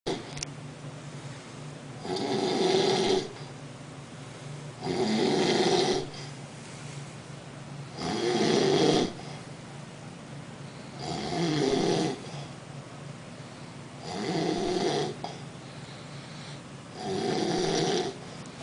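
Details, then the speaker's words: Loud rhythmic snoring from a sleeping adult man (roommate); six rattling, buzzing inspiratory snores in about 18 seconds, roughly 20 breaths a minute, with quiet gaps between. "This fucking guy, all he does is snore. And he sleeps with his hand in his pants. This motherfucker's so loud I could hear him from my bedroom."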